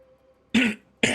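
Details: Cough from an adult man whose voice is strained and worn from coughing a lot; he says he is not really sick.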